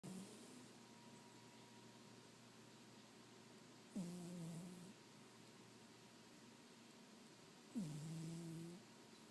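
Soft, low, buzzing snores roughly every four seconds over a quiet room hum, with short breathing pauses between them.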